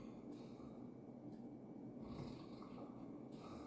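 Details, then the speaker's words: Soft, rough snoring breaths from a dog sleeping right beside the speaker, over room noise; ordinary snoring. "C'est mon chien qui ronfle juste à côté de moi, si vous l'entendez."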